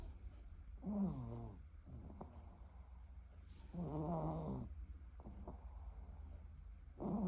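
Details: Snoring during sleep: rhythmic low, rattling snores on each breath in, about 19 per minute, with quiet pauses between.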